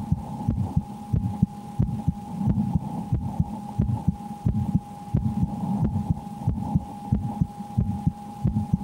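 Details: Own heartbeat heard through a stethoscope around playing the horror game Slender: The 8 Pages. Regular thumps at about 90 per minute with a steady hum and faint game noise.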